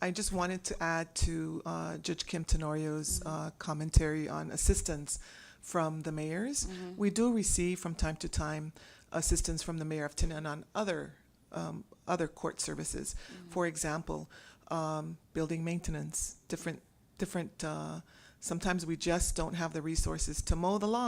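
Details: Adult speaker; normal speech.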